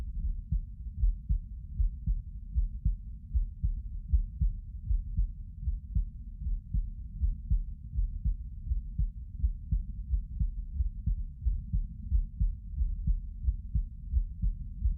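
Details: Normal heart sounds recorded lying down: deep, steady thump-thump heartbeats at about 78 per minute, with no extra sounds.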